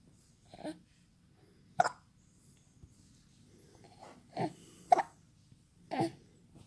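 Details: 3-month-old baby boy with hiccups: five short, abrupt, throaty clicks at irregular intervals over about seven seconds in a quiet room.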